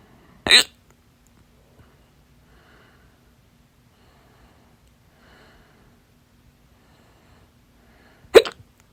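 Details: Stubborn, fast hiccups lasting 30 minutes, attributed to too much salsa; breath-holding failed at first. Two sharp, abrupt hiccups about eight seconds apart, with faint breathing between them in a quiet room.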